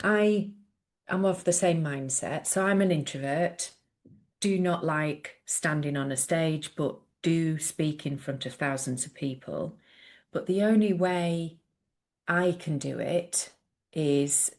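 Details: Adult woman speaking; normal speech.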